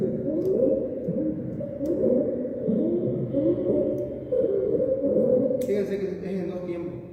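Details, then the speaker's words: Simulated stridor: a harsh, high-pitched musical breath noise heard in both inspiration and expiration with short pauses between. "En cambio, en el expridor se escuchó en dos tiempos en inspiración y en expiración."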